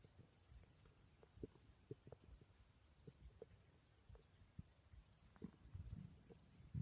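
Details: Stomach growling recorded during sleep: quiet, low rumbling and soft gurgles from the belly over faint room noise; ordinary borborygmi.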